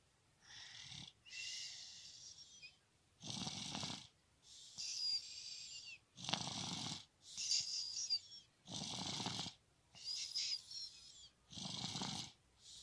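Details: Baby girl (third daughter) snoring during a nap: soft, hissy snoring breaths in a steady rhythm, about 24 cycles a minute.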